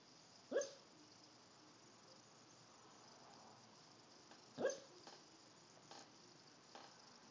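Two sharp, brief hiccup sounds about four seconds apart in a quiet room, with faint softer catches after them.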